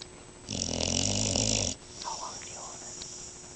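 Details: Dog snoring in deep sleep: one loud, rough, rattling breath noise lasting over a second, then quieter breathing.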